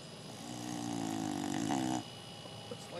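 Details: Boxer dog snoring while napping on a deck: a single drawn-out, vibrating snore under two seconds over steady background noise.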